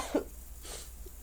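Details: Single short, soft cough followed by faint breathing from a sick adult.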